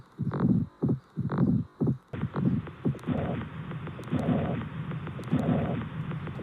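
Low, paired heart thumps at about 60 beats a minute, followed by a steady whooshing sound.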